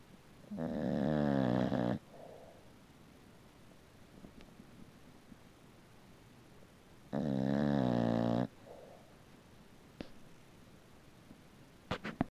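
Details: A rescued puppy-mill mother bulldog sleeping in the sunlight, with two long, rumbling, buzzy snores about five seconds apart and quiet breathing between; snoring.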